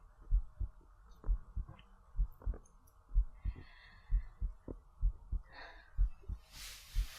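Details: Heartbeat in a relaxing sleep ASMR recording: soft, regular paired low thumps at roughly 80 beats a minute under faint room hum; normal heartbeat.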